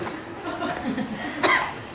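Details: Coughing before a performance: soft laughter-like voicing, then one sharp, harsh cough burst near the end, with light room noise; a single isolated cough.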